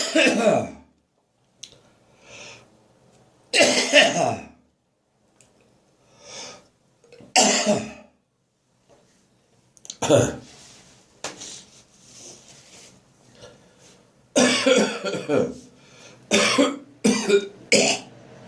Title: Dry Post-Bronchitis Morning Coughing and Gagging 4